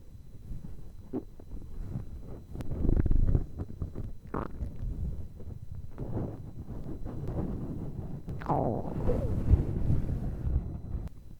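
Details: An empty stomach makes low rumbling, gurgling and squeaky bubbling sounds, recorded for listening on earphones; a normal hunger growl.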